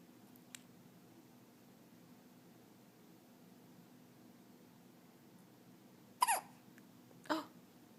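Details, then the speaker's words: 14-day-old baby girl with hiccups, caregiver talking softly to her; hiccups. "pretty girl. Oh. You got the hiccups? Oh no."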